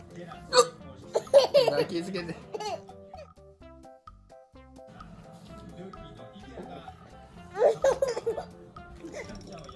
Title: 父のしゃっくりが【ツボ】ってしまい笑いを抑えきれない赤ちゃん🤧🍌 My father's hiccups are interesting